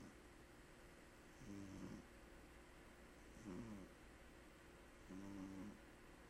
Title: Ever heard a cat snore while sleeping with it's eyes open?